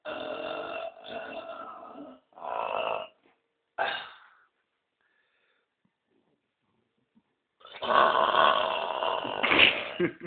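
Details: Man burping on request: several long, rumbling belches, then a pause and a final prolonged one; repeated deliberate burping.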